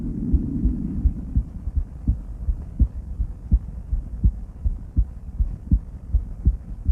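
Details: Adult female heart auscultated with different stethoscopes at Erb's point, then mitral, tricuspid, aortic and pulmonic areas: steady lub-dub at about 82 beats per minute with soft background hum; normal heart sounds.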